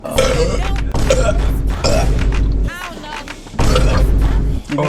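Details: Burping: several bursts of deep, loud, gurgling belches with brief voice and background music. Someone then says they almost threw up and need to clear their throat.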